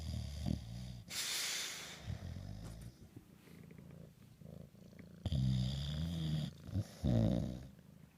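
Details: Flat-nosed bulldog asleep after a big meal, hard to wake: low, rough, rattling breaths with snorting bursts; snoring.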